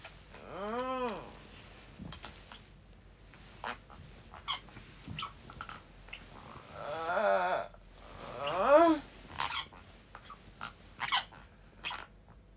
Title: The sound I’m making when dreaming 🤯CAUTIONS: TEETH GRINDING SOUND IN THE VID